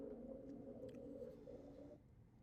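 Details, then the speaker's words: Teaching-lecture example of rhonchi: low-pitched, continuous, musical sounds, likened to a whale sound. "Ron kind is low continuous low pitch continuous musical sounds."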